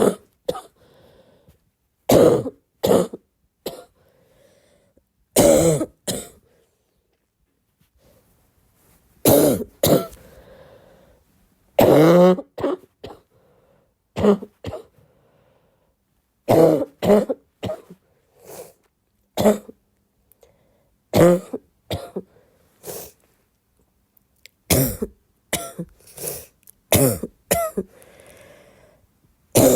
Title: more barking cough